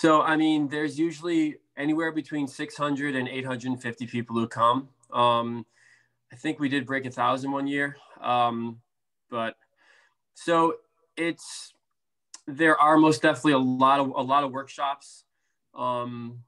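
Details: Stuttering in an adult man, a speech therapist who stutters, with blocks, prolongations, sound repetitions and interjections; severity varies from day to day.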